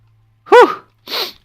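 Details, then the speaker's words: An adult streamer, mid gaming stream, announces a sneeze, then gives a single big sneeze: a brief voiced intake-burst followed by a breathy hiss as the air is expelled. "Oh god, I gotta sneeze. Whew!"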